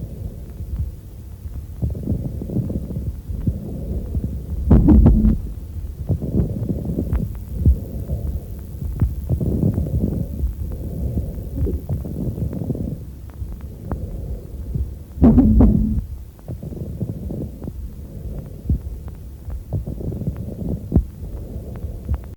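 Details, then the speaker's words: Lung auscultation teaching recording through a stethoscope: fine, uniform crackling bursts only at the height of each inhalation, unchanged by coughing, crepitation. "только на высоте вдоха однотипный и не меняется при покашливании тоже выслушиваем крепиться"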